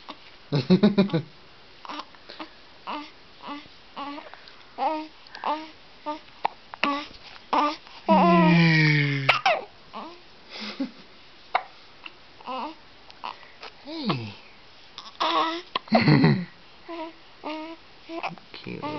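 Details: A baby boy with hiccups makes repeated short, abrupt catches with small vocal sounds and some babbling between them.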